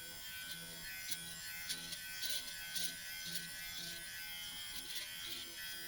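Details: Dr. Pen electric microneedling pen used at home on facial skin, forehead, at the lowest 0.25 needle depth and slowest speed: steady high electric buzz with light rhythmic contact noise as it moves over skin.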